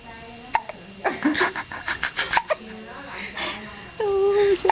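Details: Baby almost 1 month old with a bad case of hiccups: brief, sharp catching sounds, with adults talking and laughing nearby.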